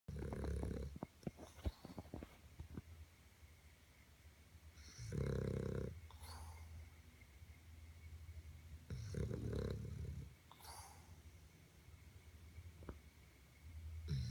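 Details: Snoring in a 10-year-old Boston terrier, said to be dreaming while sleeping by the radiator: low, rough snorting snores every few seconds, about four in fourteen seconds.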